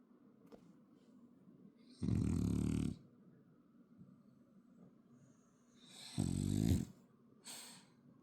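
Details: Snoring French bulldog: two deep, rattling snores on breathing in, each about a second long, with a short snort after.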